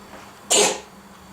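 A single short, harsh, hissing cough from a cat.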